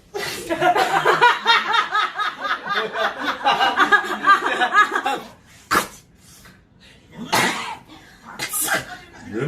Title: 재채기ㅋㅋㅋㅋㅋ#shorts #코빅 #웃긴영상